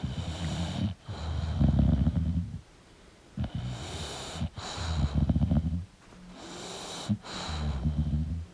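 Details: Sleeping English Bulldog snoring: loud, rattling, snorting snores with noisy in- and out-breaths, about one breath every three seconds.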